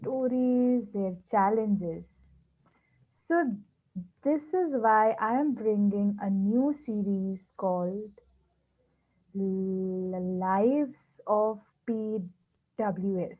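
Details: Speech of a person who stammers, hosting a series on people who stammer; stuttering.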